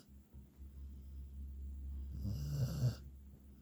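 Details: Hunter the beagle, a dog, sleeping and snoring: one low rattling snore in a quiet room, with soft breathing before it.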